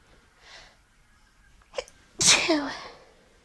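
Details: Single sneeze from the end of a nighttime sneezing fit: a faint in-breath, then one sharp, explosive burst of air.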